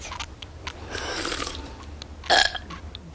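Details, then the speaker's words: A loud burp from a cartoon character (The Simpsons Shorts, "Burping Contest") over background noise and faint voices; burping. "what are you kids doing now we're having a contest mom watch knock it off I do not allow burping in this house"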